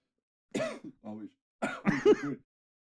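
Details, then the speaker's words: An adult man gives a few short, voiced, harsh throat-clearing coughs in a quiet room while recording a podcast; cough with throat clearing. "Yeah, I'll get that thing where I'm not on drugs and just hear the coughing."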